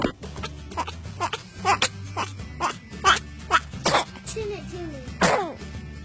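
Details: Baby, able to sit up, sneezing: several short, sharp bursts of breath mixed with adult talk and background music; infant sneezing.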